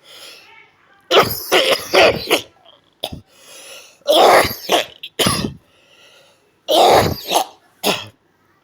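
Repeated harsh coughs and throat clearing from an adult, in several bursts over about eight seconds.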